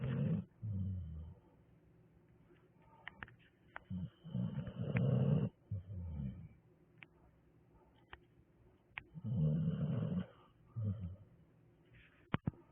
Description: what is that sound a help me snore lol